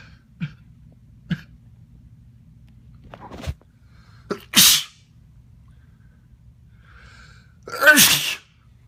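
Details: Adult, possibly male, sneezing at night while deliberately keeping the sneezes small and quiet: small catching breaths, then two quiet, hissing held-back sneezes, the second stronger.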